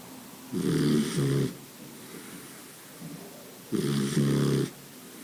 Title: Boxer snoring :: Boxer a ressonar :: Boxer Fans & Lovers